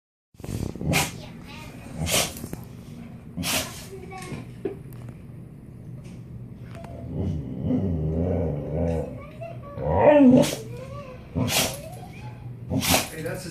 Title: Boxer talking to a cat.. And can't stop sneezing.